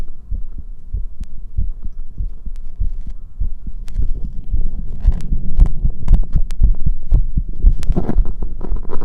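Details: Visible chest pulsation with heart sound: regular low, dull thumps of a fairly quick heartbeat, with rustling and clicking noise growing louder toward the end; heartbeat.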